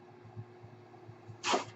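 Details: Low steady room hum, then a brief hiss of rushing air near the end from the speaker's own mechanical ventilator cycling a breath while the speaker talks.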